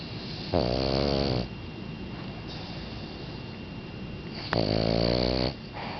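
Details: Two loud, buzzing snores about four seconds apart, around 15 breaths a minute, from Ruger, a sleeping Boston Terrier dog; snoring.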